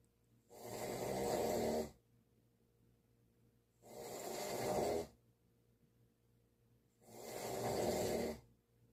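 Three long, rough snoring breaths about every three seconds, roughly 19 a minute, with quiet pauses between them. Ordinary snoring.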